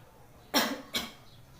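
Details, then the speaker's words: Nursing-student demonstration of effective cough technique: seated leaning back with neck slightly bowed, deep breaths, then on the fourth breath the breath is held and two short, forceful coughs follow. "nah pulang napa dah tarikan nafas yang keempat nafas ditahan dan Hai lakukan batuk2 kali"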